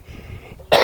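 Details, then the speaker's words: Single short dry cough after quiet breathing from a man walking outdoors who says he is physically exhausted by the walking. "excuse me like I saw how that was like awful lot I'm actually being physically exhausted exertive now by walking"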